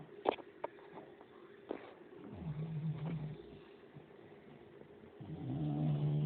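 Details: Low rumbling, fluttering breaths with soft snorts in a quiet room from bulldogs or a Staffy sleeping in the afternoon: snoring.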